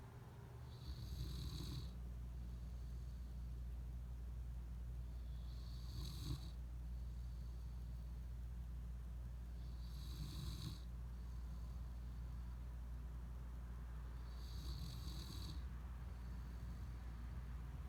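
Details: Almost one-year-old wolfhound dog snoring in sleep; soft, breathy snores about every four seconds, roughly 14 a minute, over a steady low hum.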